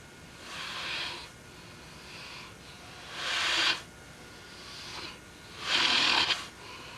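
Three hissing, rattly breath noises about every 2.5 seconds, roughly 24 a minute, with a faint noisy rasp; snoring during sleep.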